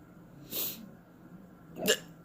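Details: Morning hiccups: two short, abrupt breathy catches about 1.3 seconds apart; hiccups.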